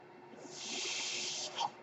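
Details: Speaker's own mechanical ventilator heard during podcast speech: soft hiss of air builds, holds about a second, ends with a brief puff, one delivered breath; mechanical ventilator breath cycle.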